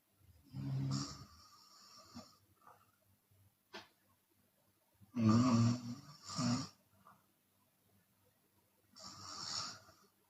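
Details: A Chinese woman snores open-mouthed during sleep, with loud, rough, rattling snores on each breath, about three per ten seconds, quiet gaps between, and some sound on breaths out.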